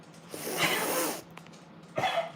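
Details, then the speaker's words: Older dog with a serious heart condition and a long-standing heart murmur gives two harsh, breathy cough bursts. "I don't know if you'll hear it cuz I'll take this out so you can you guys hear the coughing. Um, so he has a really bad heart condition."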